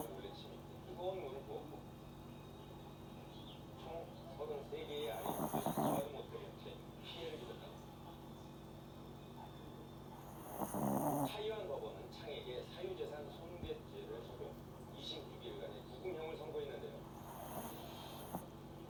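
Soft rhythmic snores about every five to six seconds, with faint room talk behind; a sleeping puppy snoring, a harmless finding.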